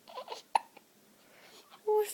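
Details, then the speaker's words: Baby girl with hiccups who seems uncomfortable: a sharp, abrupt hiccup click among soft baby vocal sounds and small breaths; infant hiccups. "What funny little noises she makes. Oh, she's uncomfortable.""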